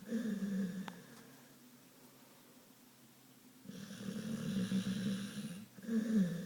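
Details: Snoring in a sleeping pit bull dog: loud, rumbling, fluttering snores on each in-breath, separated by quiet out-breaths.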